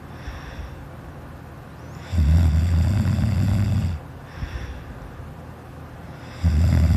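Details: Child snoring loudly during sleep, filmed by a sister: loud, deep rumbling snores on each in-breath, about four seconds apart, with quiet gaps between.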